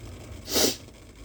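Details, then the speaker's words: Person leaning over steam before blowing nose into a bandana, feeling the nose open up: a single brief hissing burst of air over quiet room noise, a soft sneeze. "oh this is almost wanting to make me sneeze it's so yeah it's definitely opening up my SES this is why I did this"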